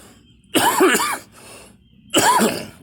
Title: me coughing